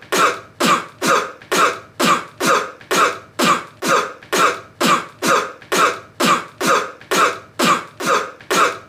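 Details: Cough.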